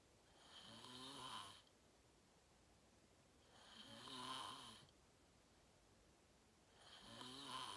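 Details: Loud, regular snores on each inhalation, about 19 per minute, quiet pauses over steady hiss; person filming themselves sleeping, fell asleep fast around 8:45, described as deep REM sleep; sleep apnea tagged.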